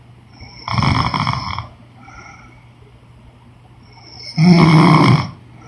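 Two loud, harsh, rumbling snores separated by a quiet pause, a typical snoring pattern during sleep.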